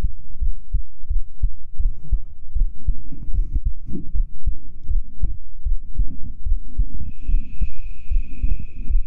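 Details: Binaural ASMR sleep-aid recording of a boyfriend's chest heartbeat: steady, muffled low thumping against a soft background hum, an ordinary resting heartbeat.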